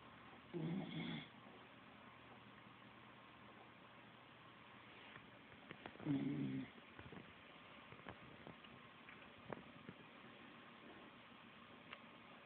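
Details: Snoring after getting home: two soft snores about six seconds apart over faint room noise, light snoring.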